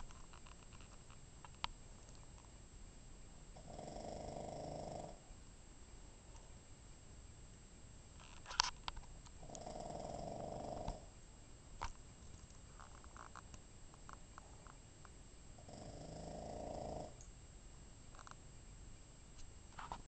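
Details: 14 lb Boston, asleep and snoring: buzzy, drawn-out snores about every six seconds, roughly 10 a minute, over background hiss.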